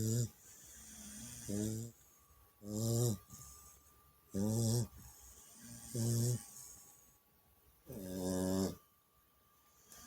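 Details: Loud, buzzy, rhythmic snores with each breath, about 36 a minute, with quiet pauses between them, from a sleeping chow puppy; snoring.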